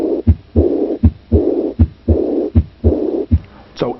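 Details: Regular beat near 78 a minute with a long fading blowing early diastolic decrescendo murmur of aortic regurgitation.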